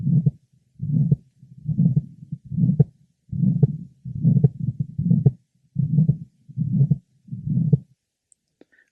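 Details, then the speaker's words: 63-year-old man with severe advanced aortic valve stenosis and a systolic gradient over 100 mmHg at cardiac catheterization. The aortic stenosis murmur is well heard over the precordium from the aortic area to the apex, including the pulmonic area and third left sternal border. "the aoic merma is well heard over the precordium from the aoic area to the Apex"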